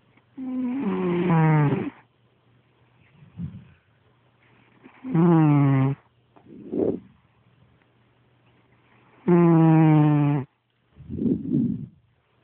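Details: Cat snoring very loudly: voiced snores alternating with softer noisy breaths, about 14 per minute.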